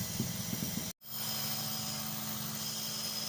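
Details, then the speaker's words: Nursing student return demonstration of nebulization therapy with medication: after a brief gap, a steady motor hum with hiss as the nebulizer air compressor runs. "remain with the patient until all the solution has been nebulized"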